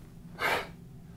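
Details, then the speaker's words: Inhaler breathed in too fast during a demonstration of proper asthma inhaler use: a single short, forceful, hissing inhalation under half a second; airflow turns turbulent and medicine won't reach the bottom of the lungs, versus long, slow, deep breath and hold. "like an athlete well it becomes turbulent it won't go all the way down to the bottom of the lungs"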